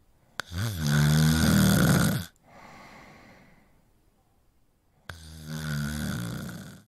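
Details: Snoring: a loud, rattling snore on each in-breath, followed by a soft breathy exhale and a pause, over two cycles at roughly 13 breaths a minute.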